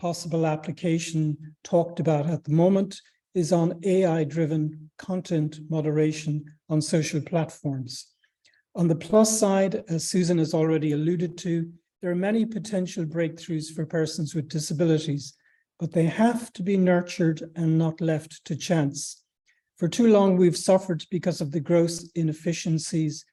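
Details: Adult speaker; normal fluent speech.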